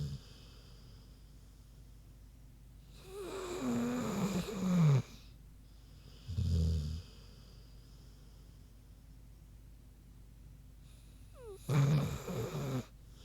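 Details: Sleeping pig snoring: loud, rough snorting snores in slow bursts with quiet pauses between; ordinary sleep snoring.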